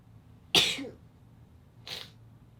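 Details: Two short, sharp, hissing sneezes about a second and a half apart, the second softer; small-animal sneezing.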